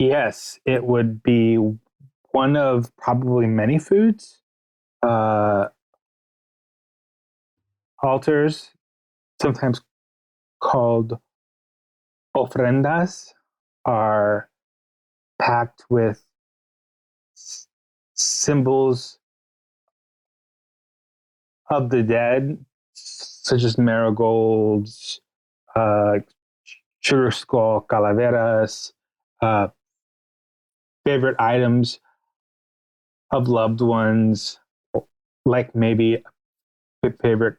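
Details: Adult male podcast guest with a stutter, speaking in an interview, with pauses and blocks between words; stuttering.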